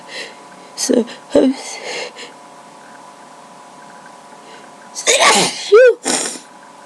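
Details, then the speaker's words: Adult in a random sneezing fit from a tickling nose, no allergies at the time (winter): two sharp, explosive sneezes with an indrawn breath before each, a few seconds apart, over a steady room hum. "but I felt this random sneezing fit coming along, so I decided to record it. My nose just tickles a lot, so"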